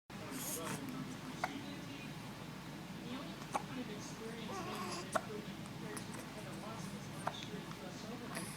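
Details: Baby with a stuffy nose and hiccups that lasted long after recording: four brief, sharp hiccups at irregular intervals, about every two seconds, over steady low room noise; infant hiccups.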